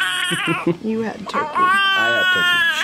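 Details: A newborn girl's first cries right after an unmedicated hospital birth with no epidural at 41 weeks, delivered on the bed after rapid labour (7 cm to birth in 35 minutes): strong, high-pitched bursts with catches of breath. A vigorous, normal newborn cry.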